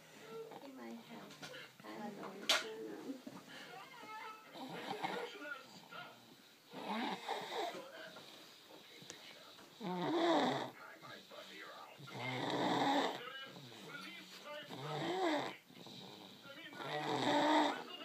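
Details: Child (owner's son) snoring in sleep after a long day of eating and playing: irregular, noisy, rasping breaths with louder snoring bursts, voices in the room; snoring.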